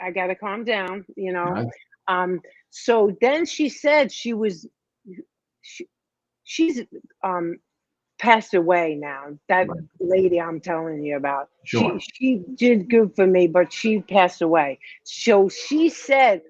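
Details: Post-stroke aphasia in a 57-year-old woman after a major ischemic stroke at age 45, 2011, affecting her right side and speech; she could not talk at first, and says speech is improving but worsens with emotion.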